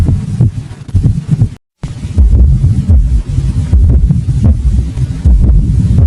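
Low, regular heart thumps with an extra soft beat just before the first sound: an S4 atrial gallop, a stiff ventricle.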